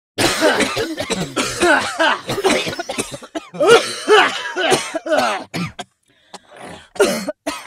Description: Groups of patients coughing sound effects